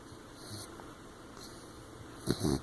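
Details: A 15-week-old blue nose pit bull puppy sleeping with open eyes: two brief, low, rough snorting snores near the end, after quiet room noise. Snoring and snorting during sleep.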